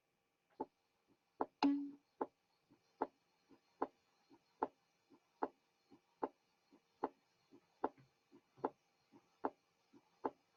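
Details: Soft first heart sound.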